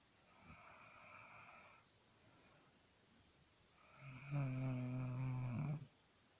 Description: My sister snore. / Sister snore 💓